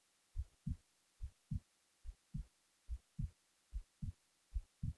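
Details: Resting heartbeat recorded while the person was falling asleep: regular paired lub-dub thumps at about 70 beats a minute.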